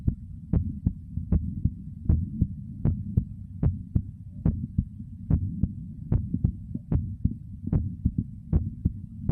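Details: Heartbeat recorded together with stomach growl: paired heart thumps at about 75 a minute over a low rumbling hum, likely stomach gurgling; an ordinary heartbeat.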